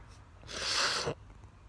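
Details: A single sneeze outdoors in a summer garden in a person allergic to grass: one short, forceful, airy burst with quiet surroundings before and after.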